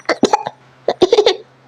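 Two quick bouts of short, voiced adult coughs, about four bursts each, with a faint steady hum behind.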